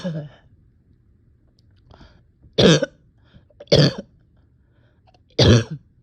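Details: Person exhausted, with on-and-off chest and stomach pain; three loud, deep coughs a second or two apart, with fainter throat sounds between; repeated coughing.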